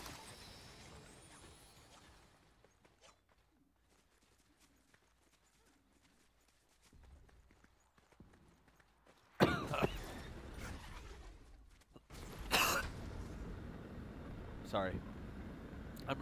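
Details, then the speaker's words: Adult streamer feeling slightly under the weather gives a few short, harsh coughs at a microphone during live video-game play, trying not to cough in someone's ear; cough. "really not trying to cough in your ear."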